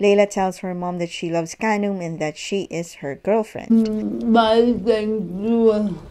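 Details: Adult female narrator; normal fluent speech.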